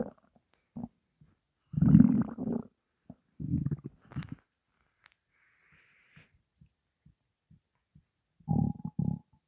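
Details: Low gurgling rumbles and short squelches, recorded over 12 minutes of hunger with only water in the stomach; borborygmi.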